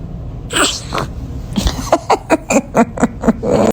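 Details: Newborn baby sneezing: a small breathy sneeze, then a quick run of about seven short, soft, snuffly bursts, with adults saying bless you. Sneeze.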